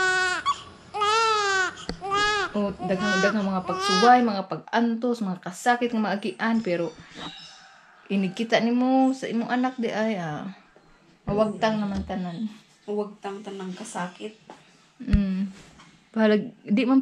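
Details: Repeated loud, rising-and-falling wails with short breaths between, in a small room; vigorous newborn cry right after an emergency cesarean delivery.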